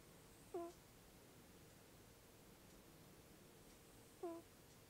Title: Cat snoring "Alpha Papa nasal whistle" 1 min in